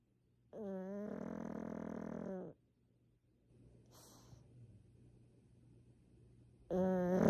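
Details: Snoring pug, possibly with eyes open and hard to tell if awake or asleep: loud buzzing snorts, each about two seconds, with quiet pauses between.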